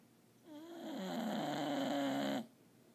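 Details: One long, loud, rattling snore lasting about two seconds, with a buzzing tone on the in-breath, in a quiet room: snoring.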